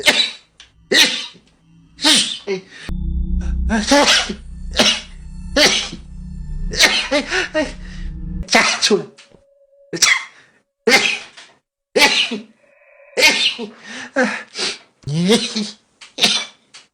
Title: Chinese VTuber rapid sneezing Compilation